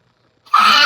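Quiet, then a sudden loud burst of air that is still going when the clip ends, consistent with the start of a sneeze.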